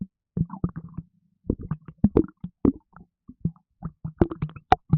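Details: Repeated low bubbling gurgles and pops in quick irregular runs, stomach rumbling and sloshing after drinking a can of Red Bull energy drink, which made the person gassy; stomach gurgling (borborygmi), with burping also in the recording.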